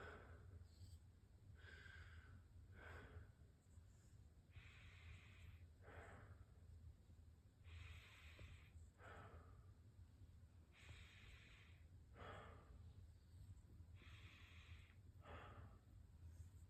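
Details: Lung auscultation over the back during a head-to-toe nursing assessment: six slow, deep breaths in and out over a low room hum, clear breath sounds without wheeze or crackle.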